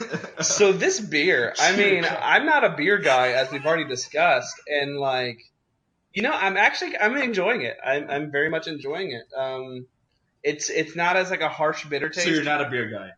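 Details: Adult man speaking; normal speech.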